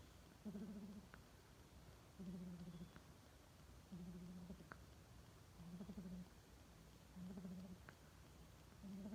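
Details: Bulldog puppy asleep after a big meal, snoring with regular, buzzing, slightly tonal snores, about 35 a minute, over faint room hiss.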